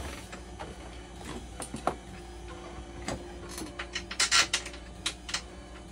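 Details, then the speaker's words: Hemodialysis machine resuming its heat disinfection cycle after a leak, likely from a heat-broken tie wrap, was fixed by replacing the tie wrap: steady mechanical hum with irregular valve clicks and ticks. "So ngayon pinalitan natin, kukontinue na natin yung heat disinfect niya para matapos na."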